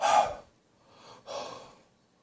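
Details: Gasping during a morning coughing and gagging spell after bronchitis while clearing remaining phlegm in a bathroom: a sharp noisy inhalation, a fainter breath, then a second gasp.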